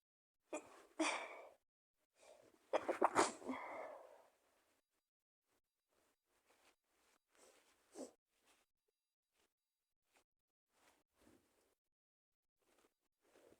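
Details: A few sharp sneezes followed by quiet sniffs, in someone with a cold.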